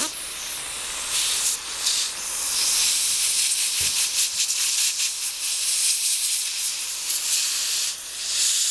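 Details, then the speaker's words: Steady hissing spray with gurgling suction: dental air-water syringe rinsing a female patient's central incisors after hydrochloric acid microabrasion of hypocalcified stains, suction clearing the water. "We'll just give that a rinse. It's fine. You don't have to lick it."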